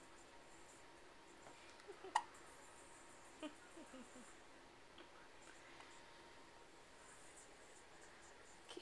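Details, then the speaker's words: Hiccups from a five-day-old baby just after a bottle feed. "alright so it's day five we just had a bottle and got the hiccups"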